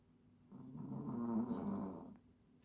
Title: Tiny Chihuahua snoring!!!